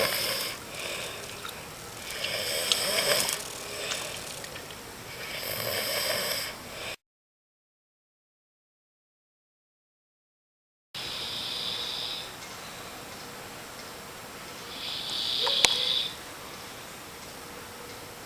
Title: Snoring...